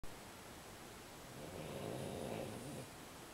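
A single soft, rough breath sound swelling and fading over a steady hiss; a quiet snore.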